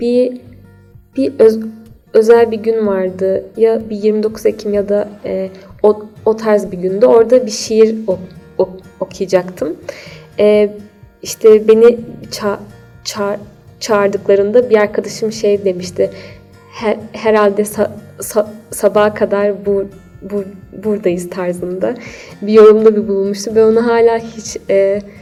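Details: Stuttering in a 28-year-old adult.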